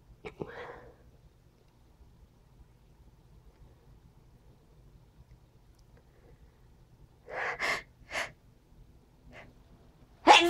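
Quick sharp inhaled gasps followed by a loud explosive burst at the end. A run of sneezes.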